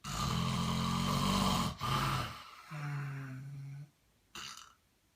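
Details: Loud, rough, rattling snores with a gravelly, buzzing breath sound, separated by brief pauses; typical snoring.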